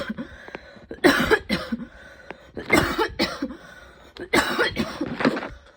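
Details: Intense evening coughing fit that came on unexpectedly before bed, stronger than the person's usual coughs and leaving them tired and overheated: three clusters of repeated harsh coughs with gasping breaths between them.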